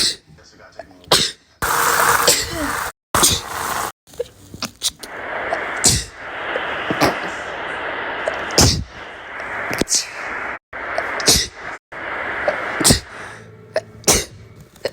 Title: sneezing for a minute!!!!! pt. 6